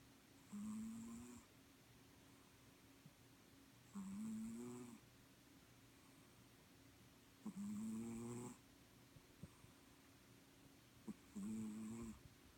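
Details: Pet cat snoring really loud in sleep: four loud, buzzing snores about every 3.5 seconds, roughly 17 breaths a minute, with quiet pauses between.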